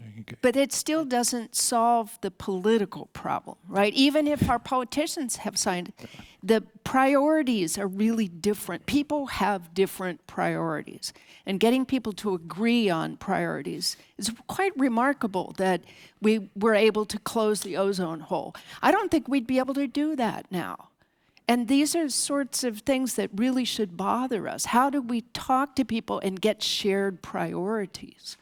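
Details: Adult woman; normal speech.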